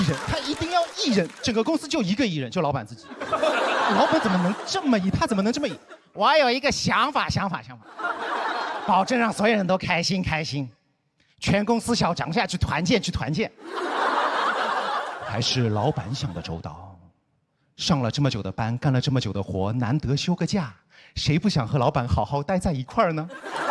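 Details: Adult speaker on stage; normal speech.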